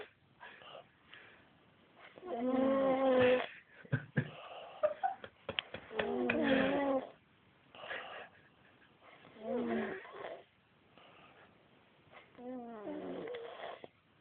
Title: snoring